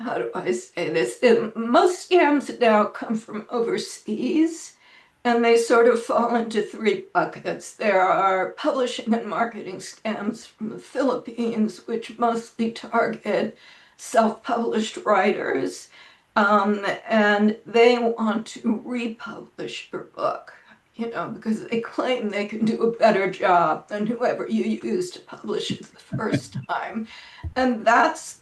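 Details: Adult woman with spasmodic dysphonia that she says causes her voice to sound this way; it varies day to day and she reports today is not a particularly good day.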